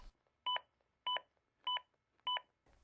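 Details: Practice session with a Zoll AED Plus defibrillator: four evenly spaced two-tone beeps, about one every 0.6 seconds (roughly 100 a minute), from the AED's metronome pacing chest compressions during CPR.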